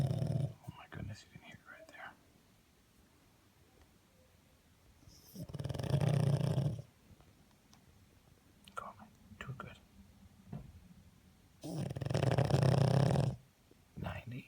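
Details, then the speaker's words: Loud, rumbling snores from a sleeping pug, measured by a phone app at about 90–96 decibels, with long quiet gaps where the dog stopped breathing; the owner suspects an episode of sleep apnea during snoring. "We're going to show you how loud the dog snores."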